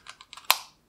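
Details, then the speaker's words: A few faint plastic ticks, then one sharp click as the lever of a Seretide Diskus dry powder demonstrator inhaler is pressed down, loading the dose: inhaler lever click. "this clicks right so this means that the inhaler now is ready to be used"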